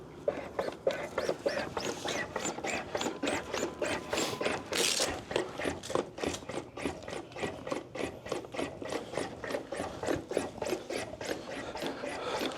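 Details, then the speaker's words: LUCAS mechanical chest compression device delivering CPR on a training mannequin in a fire department CPR demonstration: regular rasping thumps at about 100 a minute. "This is called our Lucas device, which does perfect compressions for a person."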